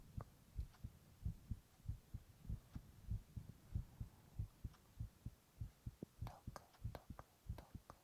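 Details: A young male's heartbeat recorded while he whispers onomatopoeia: normal heart sounds.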